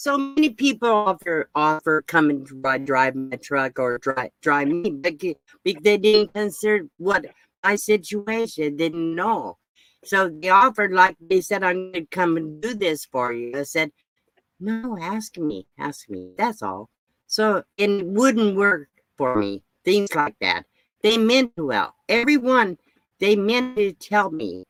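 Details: Aphasia after a recent second stroke in a 72-year-old woman reading her own poem; speech was the only physical effect; her first stroke about 7 years earlier also affected her speech.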